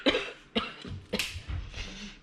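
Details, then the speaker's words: Adult woman who is ill with a cough, difficulty breathing and no energy, coughing indoors: three short, dry cough bursts within about two seconds in a quiet room. "Простите, кашляю."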